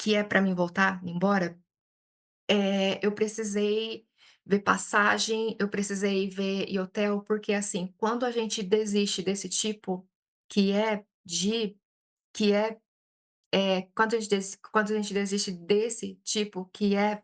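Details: Adult Brazilian woman who stutters, speaking Portuguese and self-describing frequent speech blocks; hesitations and repetitions are heard; stuttering.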